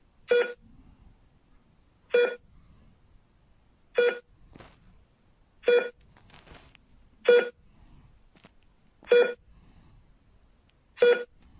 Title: فيديو وصوت جهاز نبضات القلب في المستشفى - Heart Rate Monitor sound